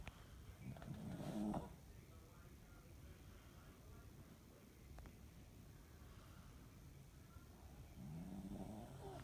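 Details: Snoring: quiet, low rumbling snores rising and fading with breathing, with room noise between them.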